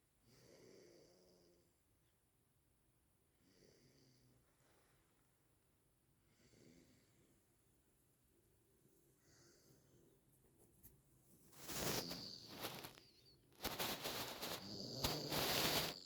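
Soft snoring breaths repeat about every three seconds. Louder rustling noise follows near the end.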